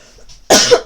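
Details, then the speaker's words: A single short harsh cough or forceful throat clear from a woman with a slightly hoarse voice, after a quiet moment while speaking; a cough. "Pardon, j'ai la voix un peu enrouée, je suis désolée."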